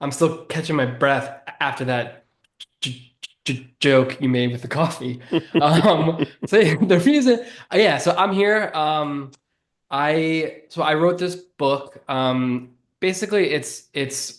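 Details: Adult man who has stuttered since childhood; stuttering.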